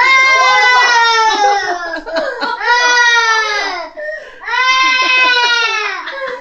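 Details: Young girl frightened when her uncle jokingly scares her wearing a face mask pack: loud, high-pitched sustained wails with sobbing catches between cries; distressed crying.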